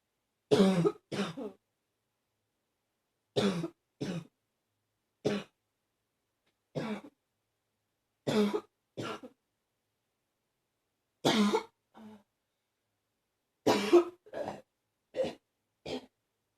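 About fourteen short, harsh coughs, mostly in pairs, with a hoarse barking quality. A barking cough.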